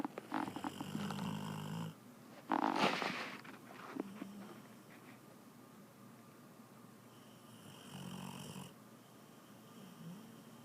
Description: My little girl dog snores so loud, I think she needs a cpap machine for sleep apnea.